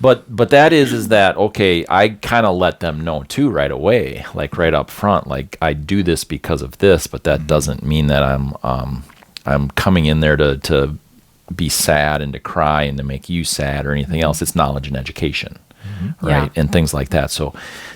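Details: Adult male speaker; typical speech.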